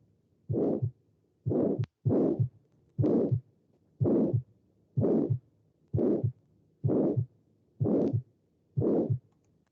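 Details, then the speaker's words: Aortic stenosis murmur from a teaching recording: regular heartbeat near 62 a minute with a harsh, loud crescendo-decrescendo systolic murmur filling the gap between the first and second heart sounds. "Es un soplo sistólico porque está entre el dub-dub, dub-dub, dub-dub, ¿no? O sea, entre los dos."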